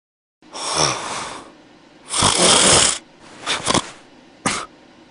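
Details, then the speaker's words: Simulated snoring in an air-conditioner commercial: husband's loud, harsh, rasping breaths with snorts and a short closing snort. "फिर खराटे ले रहा था AC बंद कर दो क्यों खराटे ज्यादा लेता हूं इट्स ओके मुझे जगा दिया करो"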